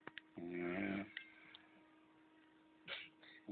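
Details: A brief, rough, throaty snore lasting under a second, then soft breathing over a steady background hum; a dog snoring.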